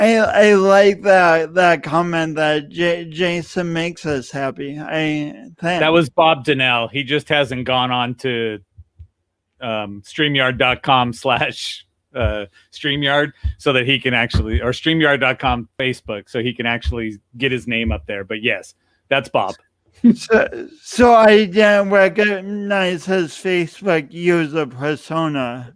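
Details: Adult man speaking; typical speech.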